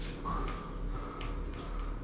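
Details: Vocal imitation by a lecturer of a medium-pitched heart murmur during a pediatric heart murmur teaching lecture.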